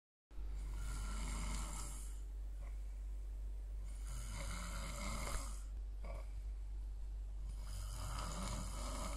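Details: Very loud snoring, said to leave the throat dry: loud, rasping snores in repeated cycles, about three in nine seconds, over a steady low hum.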